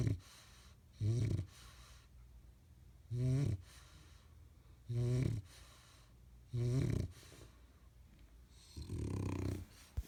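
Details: Short, loud, low snorts repeating every one to two seconds, somewhat irregular, ending with a longer, rougher breath; snoring.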